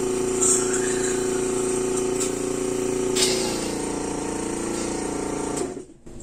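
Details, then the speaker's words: Special-needs child whose oxygen levels have been dipping, on a cough assist machine to take deeper breaths: steady droning hum shifting in pitch as air is forced into the lungs and sucked out, then stops; mechanical insufflation-exsufflation. "so i've mentioned before what the cofficist does but basically it simulates a cough in her it forces air into her lungs fills her lungs and then sucks air back out and that simulates a cough"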